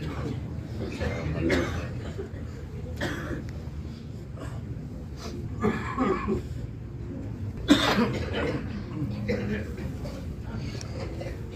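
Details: Scattered coughs from several people against a steady crowd murmur, recorded during the 2023 Hajj; coughing among a group of pilgrims.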